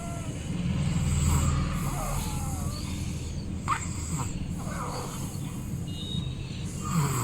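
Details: Baby snoring loudly in sleep: low, rumbling noisy breathing in slow swells, faint chirping and room noise behind.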